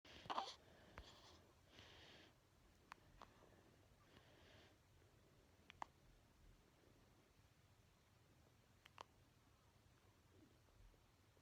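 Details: Four-day-old newborn baby boy with hiccups.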